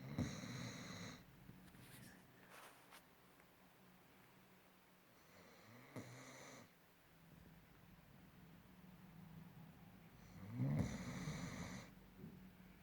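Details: Dog snoring, one of two German Shepherds (born 2015 and 2016): rattling snores about every five seconds with quiet breathing between them, in a small room; snoring.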